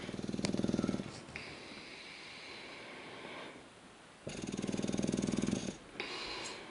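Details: English bulldog sleeping on his back on a couch indoors while a cat curls up beside him; rhythmic, rattling snores with a rapid fluttering quality on each breath in, followed by softer airy breaths out.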